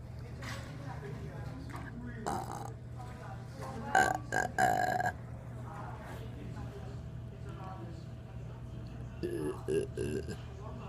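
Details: Person burping: several loud croaking belches in short runs, with a steady hum in the room behind them.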